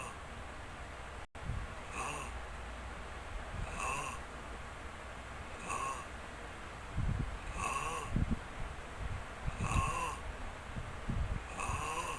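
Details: Long snoring in sleep: repeated breathy snores about every two seconds with occasional snorts, against a noisy background.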